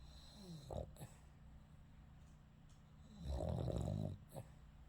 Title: Loud Snoring Mochi 😆